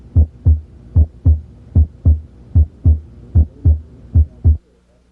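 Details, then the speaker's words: Teaching recording of normal heart sounds, counted "one, two" with diastole longer than systole: steady lub-dub heartbeat at about 75 beats a minute; normal S1 and S2. "Because diastily usually lasts longer than cy, you can identify the two sounds. One, two, one, two, one, two."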